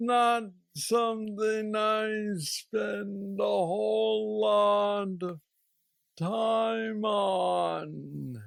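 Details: Parkinsonian speech in a 46-year-old man diagnosed with aggressive Parkinson's disease at age 35, with mobility problems and treated with a deep brain stimulator implanted two years after diagnosis.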